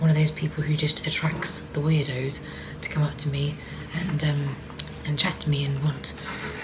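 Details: Adult woman with vocal cord paralysis, which she says can be heard, for which she takes no medication: vocal cord paralysis.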